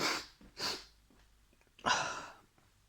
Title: I sneeze before I go to paintball